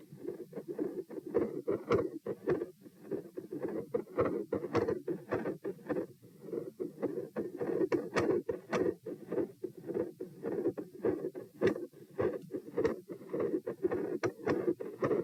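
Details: Heart recorded at position P while sitting and standing, 96 bpm sitting and 108 standing: rapid beat under a constant rumbling murmur running through both heart sounds; continuous machinery-like murmur that fades out.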